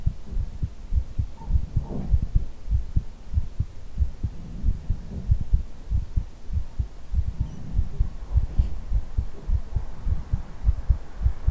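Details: Heartbeat ASMR recording made close up for a simulated head hug, with ear blowing: steady, muffled low thumps with a faint hum behind them; a heartbeat.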